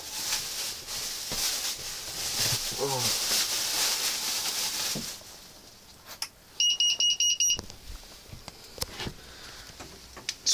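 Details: Talk and room noise, then a burst of rapid high electronic beeps from a syringe pump (Perfusor) alarm during a device demonstration.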